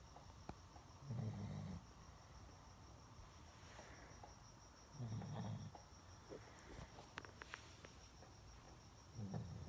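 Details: Pug snoring while farting: three deep, rattling snores at about 15 a minute over a steady high background tone, with faint crackles between them.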